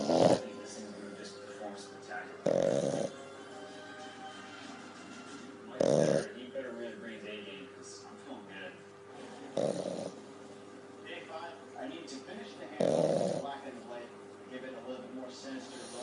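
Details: French bulldog pup sleeping after a long walk: five rough, snorting breaths about three to four seconds apart with faint background sound: snoring.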